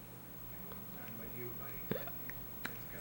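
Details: Awake infant girl with her first real hiccups, giving a few short, abrupt hiccup sounds against quiet room noise: ordinary baby hiccups.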